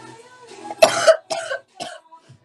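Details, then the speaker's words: A young woman gives a run of about three coughs, the first the loudest, with faint music in the background: cough. "Fuck, I thought I had to sneeze. Ended up being a cough."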